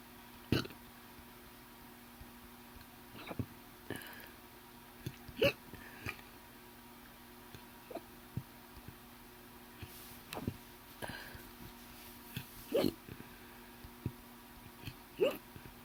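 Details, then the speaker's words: Bout of deep hiccups with brief, abrupt gulping clicks every few seconds over steady room hum; hiccups that are often deep. "That was a weird hiccup. Oh, I wonder if you guys can hear how deep they are and stuff."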